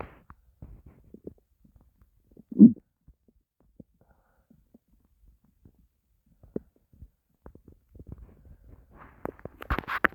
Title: my starving stomach growls